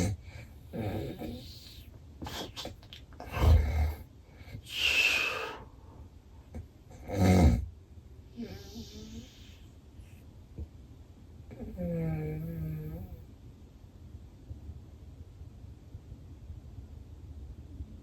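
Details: A real daytime nap recorded by someone with extreme daytime sleepiness: irregular loud snorts, rumbling snores and heavy breathing, then a quiet stretch with no breathing sounds, in obstructive sleep apnea.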